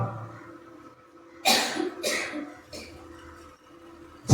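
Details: A short run of about three harsh coughs from an adult during a church sermon, over a faint steady hum: cough.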